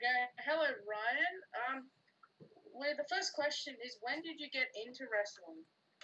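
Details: Adult woman speaking; typical speech.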